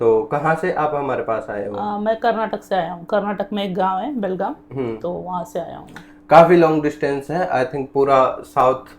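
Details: Adult man, now 30, with a high-pitched voice since puberty (onset around age 15-16), never treated, recorded before treatment: puberphonia.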